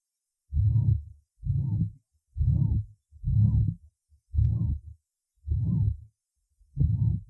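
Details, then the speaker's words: Female patient with rheumatic mitral regurgitation and bradysystolic atrial fibrillation, first point (apex): irregular slow rhythm about 60 a minute. Low murmur starts right after a weakened first sound, fills nearly all systole, conducted to left axilla. "шум начинается сразу после ослабленного первого тона занимает всю или почти всю систолу и хорошо проводится в левую как северную область"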